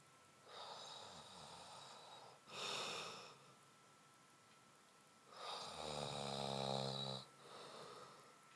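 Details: Sleeping man: quiet breathing with a rattling, buzzy snore on one breath and hissy airflow on the others; ordinary snoring.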